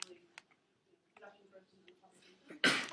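Quiet murmuring voices, then one loud, sudden, explosive burst of air at the end. A single sneeze.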